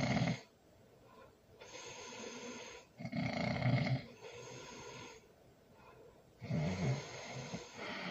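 Loud, rough snores on the in-breath, about three across eight seconds with quieter breathing between: ordinary heavy snoring during sleep.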